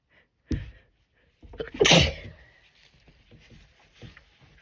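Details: A sneeze induced with Q-tips: a short catch of breath, then one forceful sneeze burst, then quiet breathing.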